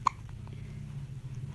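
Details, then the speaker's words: 2-month-old baby boy: a single short, abrupt hiccup, then quiet with low room hum. Mother says his hiccups often start after milk feeding, won't stop, and irritate him; infant hiccups. "ये हिचकी इसको बहुत तंग करती है। अक्सर ऐसा होता है कि दूध पीने के बाद जो है या और अगर बर्फ़ आ जाए तो फिर इसको जो है हिचकी है वो नहीं ख़त्म होती, वो स्टार्ट हो जाए।"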